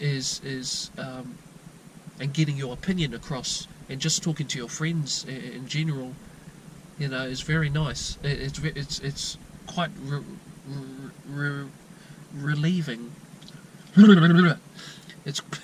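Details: 22-year-old New Zealand man with untreated stuttering since childhood; repetitions and blocks, usually at word beginnings.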